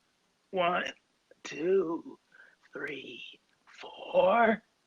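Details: Acted imitation: the host exhales all air from his lungs, then counts aloud to 20 without airflow, producing a strained-strangled voice that illustrates adductor spasmodic dysphonia (laryngeal dystonia).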